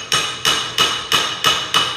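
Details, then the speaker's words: Six sharp metallic hammer blows, about three a second, impacting the metal acetabular cup with a positioner in a hip-replacement demonstration on a plastic bone model. "e aqui vem a parte de metal e aí a gente vai fazer a impacção tá aqui como demonstração eu vou mostrar para vocês que a gente dá umas marteladas"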